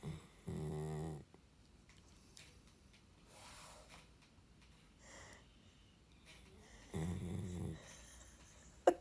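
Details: Sleeping dog snoring in a quiet room: two loud rattling snores about six seconds apart with quiet breathing between; snoring.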